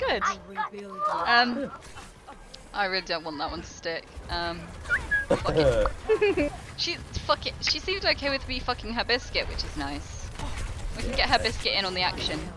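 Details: Tourette syndrome vocal tics (coprolalia) in a female who says she has it quite severely and that tiredness combined with caffeine triggers her tics; involuntary obscene and repeated words while speaking.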